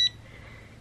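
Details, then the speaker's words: Refurbished home medical pump, newly received by a patient with EDS on leaving hospital, being tested: a single short, high electronic beep, followed by quiet room noise. "This little guy's gonna be my buddy for the next year, so I think it's time to test it out. For those of you who are playing at home, I think it's time to ask the question: Will it beep?!"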